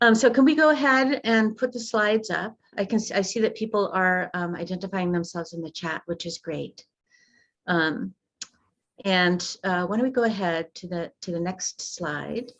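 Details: Adult woman speaking; normal voice.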